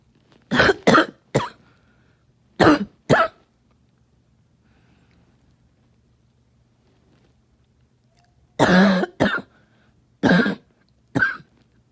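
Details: Coughing all night: two clusters of harsh cough bursts with throat clearing, about ten in all, separated by a quiet pause.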